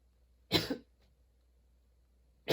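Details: Sudden-onset, unexpectedly long nonstop coughing fit that kept worsening, bringing tears and constant position changes: a single sharp cough with a quick second push, then silence before the next cough; part of an ongoing coughing fit.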